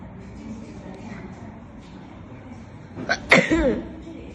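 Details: Asian young woman, sneeze deliberately induced by twisting something in the nose: a quick catching breath, then one explosive sneeze with a voiced tail, over soft background music.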